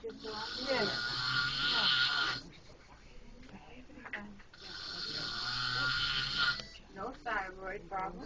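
Two long, loud, rattling snores with a quieter breath between them; heavy snoring during sleep.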